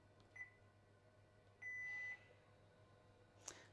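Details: Automated peritoneal dialysis (APD) machine at home setup: after the green start button is pressed, a brief chirp, then a single steady half-second beep prompting the user to load the cassette, in a quiet room.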